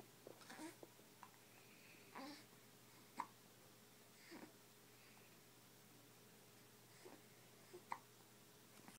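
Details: Hiccups in a 5-week-old baby in the morning: soft, brief hiccup sounds repeating every second or so in a quiet room.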